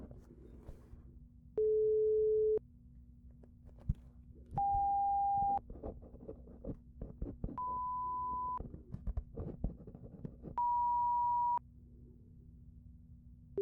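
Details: Roleplayed (simulated) pure tone audiometry hearing test through headphones, tones spanning 174–1000 Hz: steady one-second beeps at changing pitches about every three seconds, over low hum and soft tapping.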